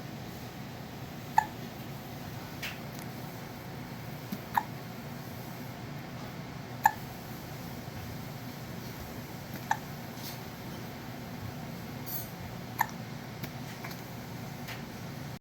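Brief sharp hiccups recur about every two to three seconds, roughly six in fifteen seconds, over steady background hiss.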